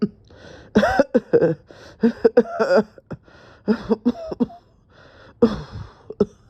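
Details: A run of repeated harsh coughs and throat clearing in quick succession, a coughing fit, with faint room noise between bursts; the person felt dizzy and thought they would pass out.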